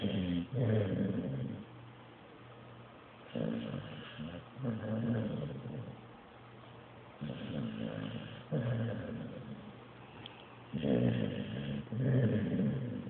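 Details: Blue nose pit bull asleep after a long day: rhythmic, rumbling snores with a snorting, growl-like quality, about one breath every three seconds; ordinary snoring.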